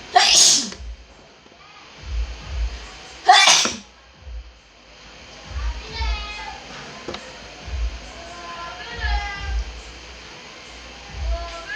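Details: Loud sneezes, Philippines: two loud, sharp sneezes near the start, followed by talking and faint music; forceful sneezing.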